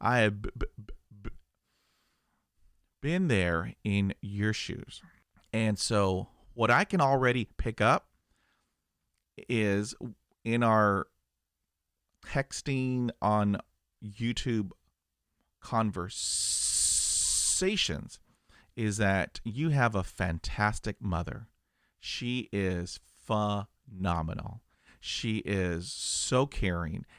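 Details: Adult male who stutters; stuttering.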